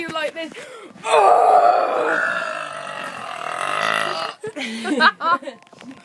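One long, loud, rumbling belch lasting about three seconds, with brief talk before and after. Voluntary burping.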